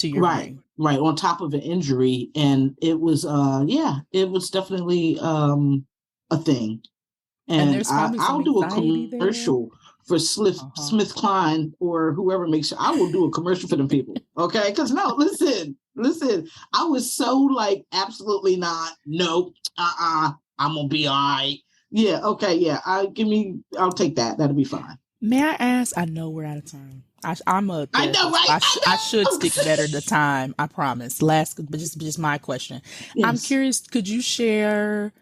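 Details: Aphasia in a woman, caused by stroke; real stroke survivor.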